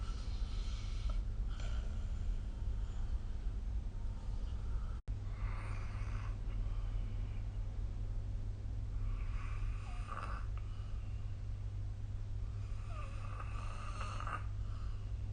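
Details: Snoring recorded with the SnoreLab app: faint, rhythmic snoring breaths about every four seconds over a loud, steady low hum.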